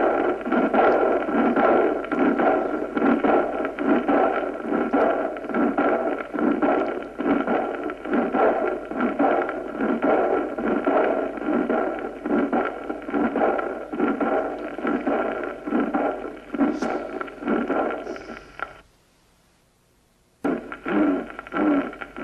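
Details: Aortic regurgitation murmur.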